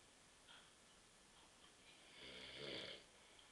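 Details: Adult man (husband) asleep on a sofa at 9:30 p.m. after too many beers, with a loud, rough snoring breath that builds and fades over faint room noise; ordinary sleep snoring.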